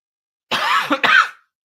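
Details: Two harsh, loud cough bursts close together with a short breath between, from an adult man who says he has been sick with a changed voice since fog in Utah.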